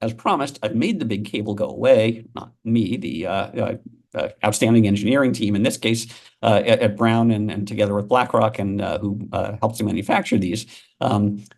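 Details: Adult male speaker; normal speech.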